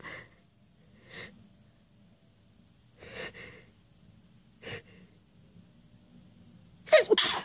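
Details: Several short stifled sneezes, then a loud full sneeze with a sharp burst, during a requested loud sneezing fit with flowers as the trigger; nose blowing follows later. Sneezing fit.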